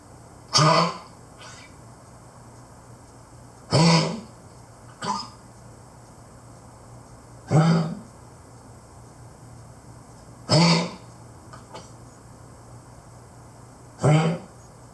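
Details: 12+ year old Keeshond with a worsening cough, honk and hack; repeated harsh, honking, goose-like hacks.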